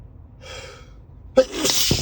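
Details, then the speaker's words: A man driving to work gives a quick breathy intake, then one sharp explosive sneeze with a short trailing rush of air, amid snorting, during an allergy flare he thinks is from high pollen despite daily meds. "Oh god, [snorts] I really like sneezing but not while driving."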